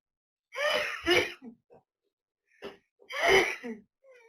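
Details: Father with chronic allergic rhinitis: two loud, abrupt sneezes with a sharp explosive release, followed by brief vocal sounds, startling his roughly 180-day-old baby.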